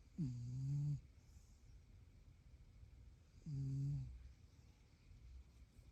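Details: Carl, a cat, snoring while asleep after a yummy meal.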